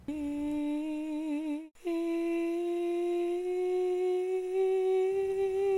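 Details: Breathy hoarse voice caused by vocal nodules, with clearly audible air leak in front of and behind the nodules.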